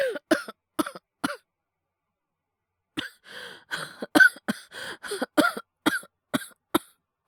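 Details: Acted, wordless cough performance by a male voice actor, all simulated: a cluster of four short dry coughs, a pause, then a run of about ten coughs, portraying illness; imitated cough.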